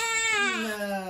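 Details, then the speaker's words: A high, steady, wailing cry with falling pitch from one of three-week-old newborn twins, said to be going through a phase of crying and feeding more often. "they are three weeks old so they're going through a cross for right now so they are crying more often and eating"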